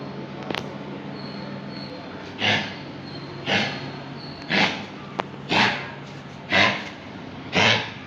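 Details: Dog with kennel cough and no vomiting gives six harsh, honking cough bursts about a second apart, the typical kennel cough.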